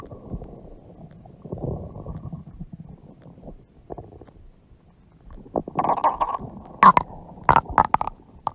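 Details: Adult woman (mother) with a large belly: low rumbling and gurgling building into louder bubbling pops; stomach growling from gas and fluid moving through the gut.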